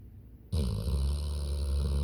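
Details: A sleeping female dog snoring: a sudden deep, rumbling, grunting snore that carries on steadily after a brief quiet start.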